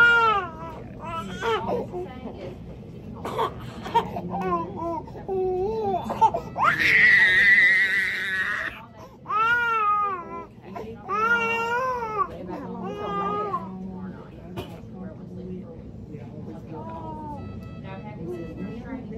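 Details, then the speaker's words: 9-month-old baby girl after tongue-tie surgery (frenotomy): repeated whimpers building into a long, harsh wail, then shorter sobbing cries, crying as if in pain; given more medication afterwards. "but she was really like crying like she was in pain or whatever so I did give her some more T"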